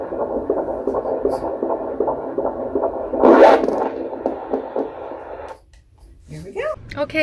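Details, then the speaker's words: Fetal heartbeat at 14 weeks 2 days of pregnancy on Doppler at a midwife appointment: fast, regular whooshing pulses in the 150s, described as good; a normal fetal heart rate. "there it is can i hear it [Music] how is it [Music] 150s that's good good sounds good [Music] that's good"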